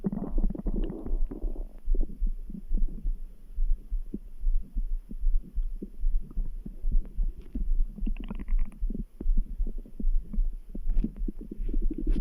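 Low gurgling rumbles over a steady soft thumping near 75 a minute; normal stomach grumbling with the heartbeat audible behind it.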